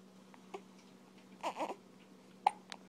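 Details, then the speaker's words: A baby girl with hiccups: a few short, abrupt catches and small vocal bursts in a quiet room. Ordinary infant hiccups. "Do you have the hiccups? You got the hiccups?"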